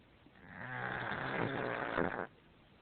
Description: so this is my cat kirby snoring. i really dont know why he does but yeah..